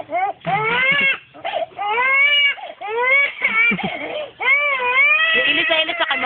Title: Crying baby dec 6'08